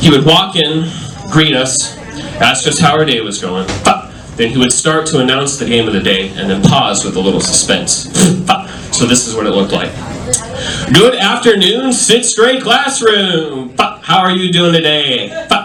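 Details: Adult male comedian with Tourette syndrome, a neurological condition causing involuntary utterances including shouted swear words and tic noises, performing live stand-up; vocal tics (Tourette syndrome).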